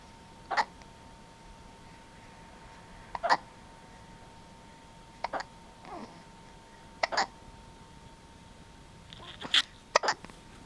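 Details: Sleeping cat with hiccups: short, sharp hiccup sounds, about seven over ten seconds, irregularly spaced.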